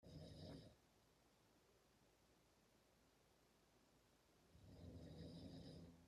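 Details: Two sleepers, one of them a dad, snoring: two low, soft rumbling snores about four and a half seconds apart over a steady background hiss; ordinary snoring.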